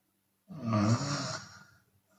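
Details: Chinese woman snoring with an open mouth, sometimes on exhale: one rough, vibrating snore lasting about a second.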